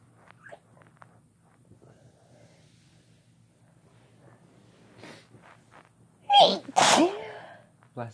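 Quiet room noises, then two loud sneezes in quick succession, part of a sneezing fit.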